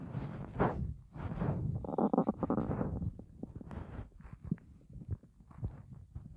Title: my starving stomach growls